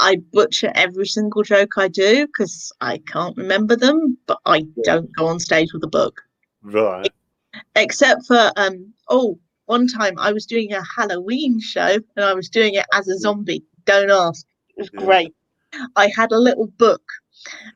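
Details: Adult speaker; ordinary speech.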